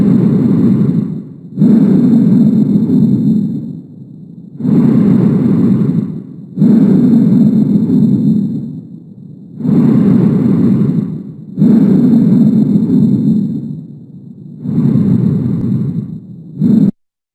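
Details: Bronchial breath sounds.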